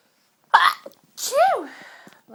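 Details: A sharp inhaled catch followed by one strong voiced sneeze trailing off, part of one long sneezing fit from a tickly cold.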